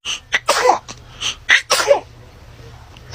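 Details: Baby sneezing: several quick, high-pitched little sneezes in close succession.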